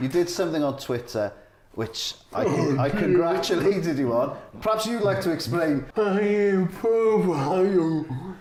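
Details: Adult male speaker; Typical speech.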